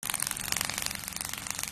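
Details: Radial shockwave therapy for thumb tenosynovitis, with coupling gel applied and the patient's thumb stabilized: rapid, steady clicking pulses, roughly fifteen a second, from the handpiece.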